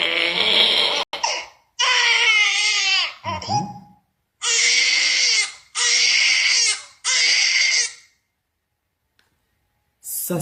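An infant gives repeated high-pitched, strained crying bursts with brief pauses between them in a small room. This pattern is a cry from gas pain.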